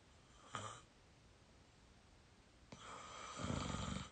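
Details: 22-year-old sleeping while very tired: a brief snort, then a rattling, fluttering snore in a quiet room; snoring.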